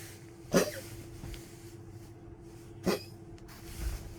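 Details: Old Poodle dog waking at night coughing, then drinking water on weak legs: two short, harsh coughing bursts a few seconds apart over a steady background hum.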